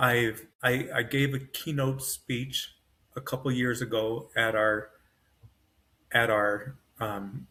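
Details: Male stroke survivor with post-stroke aphasia, severe on waking from a coma, now self-rated moderate to mild; full cognition but struggles to get words out. Finding: aphasia (word-finding difficulty).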